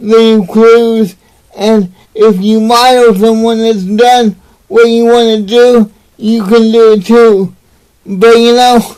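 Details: Adult man with cerebral palsy; dysarthria (cerebral palsy).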